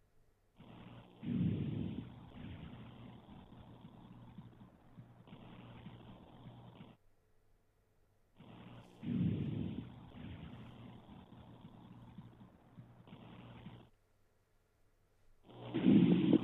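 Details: Adult OSCE volunteer sitting forward, stethoscope on the back: soft, low rustling breath sounds, longer on breathing in: normal vesicular breath sounds.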